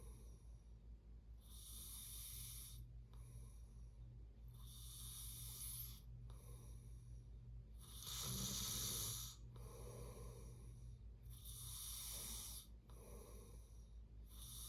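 Repeated rough, noisy breathing sounds in sleep over steady low room hum; snoring.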